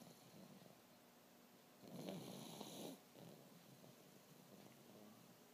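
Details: Pug, possibly still awake, giving a single rough, fluttering snore of about one second over quiet room noise; snoring in a flat-faced dog.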